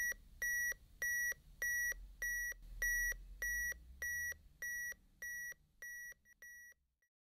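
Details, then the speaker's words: AED training unit after shock delivered, prompting CPR: steady high beeps about 100 per minute pacing chest compressions. "the AED will then tell you exactly what to do"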